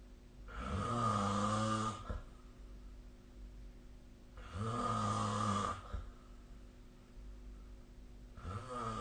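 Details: Sleep snoring recorded with the SnoreLab snoring app on 2025/03/03; long, low, rattling breaths about 16 times a minute in a quiet room; steady snoring.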